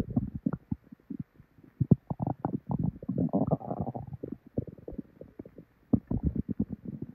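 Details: Loud frequent gurgling and rumbling in irregular bursts from a woman's belly: hyperactive bowel sounds after probably expired milk, before very bad diarrhea.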